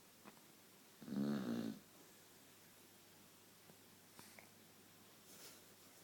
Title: Daisy snoring must see funny